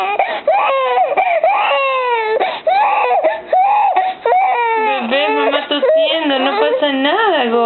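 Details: Three-month-old baby girl startled by her mother's cough: loud, wavering wails and whimpers after a sudden startle; infant crying.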